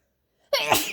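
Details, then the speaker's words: Intense sneeze from a person with a very itchy nose who has sneezed about 50 times today, suspected allergy or cold; a single forceful, explosive sneeze after a quiet moment. "um I've probably sneezed like 50 times already today um I'm not really a big sneezer but today has been crazy I don't know why um I guess allergies"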